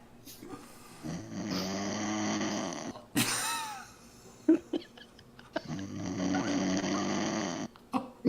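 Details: Loud, rough, rattling snores on long breaths with short snorts between, from a sleeping person; a breathing machine is mentioned afterward. Snoring.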